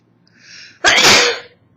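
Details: Short breathy intake then one loud, hissing sneeze from a 24-year-old woman with summer allergies; recorded on an old phone with distorted sound.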